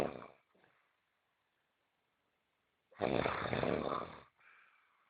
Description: My Friend snoring did not let me sleep the whole night....